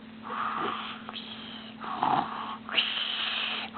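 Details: A sleeper snoring: noisy, whistling, high-pitched snores with a light airflow hiss between breaths.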